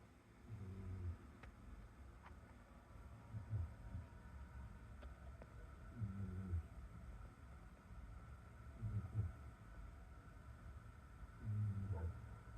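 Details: Cat snoring while asleep in a bath: low rumbling snores repeating every few seconds, about 20 a minute, over faint background noise.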